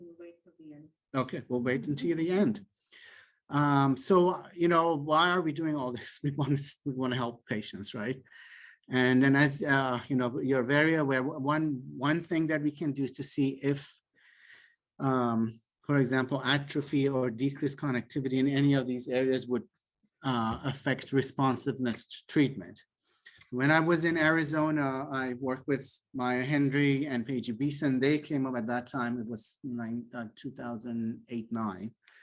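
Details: Adult male speaker, lecture; typical speech.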